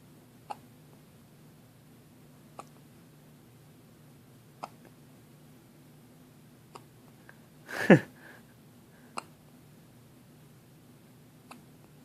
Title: more hiccups